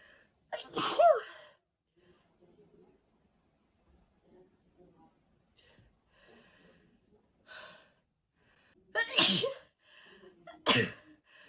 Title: Red-haired girl crazy sneezing fit pt. 2 edit loop 4 ½ minutes. #girlsneezes #sneezing #allergy